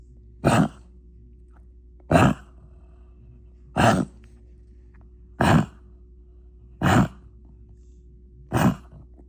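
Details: Dog with wheezing and coughing: six short, harsh, hacking coughs at a steady pace over a low background hum.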